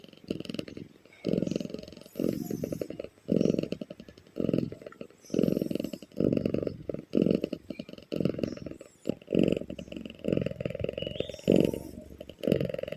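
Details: Loudly snoring cat: loud rhythmic snoring, a rough rattling noise with each breath at about 30 breaths a minute.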